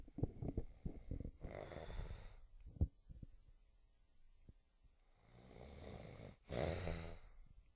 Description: my dad was snoring and so i used my "stealthy" skills to record him snoring.